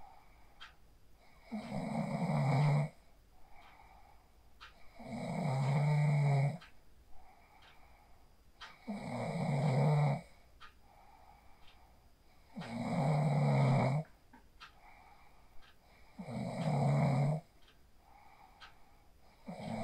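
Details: Phone recording of a person asleep after practicing the 4-7-8 breathing technique: steady, regular snoring at about 17 breaths a minute, each loud vibrating snore followed by a softer exhale; sleep snoring.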